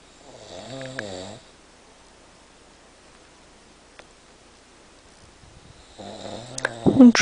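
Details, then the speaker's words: Man asleep, snoring all night despite saying he doesn't snore: two loud, rattling inspiratory snores about five seconds apart with quiet breathing between. "Gesagt, er schnarcht nicht. Er hat gesagt, er schnarcht nicht."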